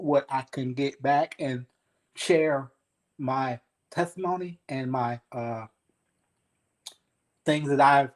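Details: 52-year-old man, 3 years after an ischemic stroke, still working on his speech, in a real conversation; aphasia.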